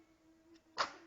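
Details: Single small, sharp sneeze from an infant twin against a quiet room with a steady faint hum; sneeze.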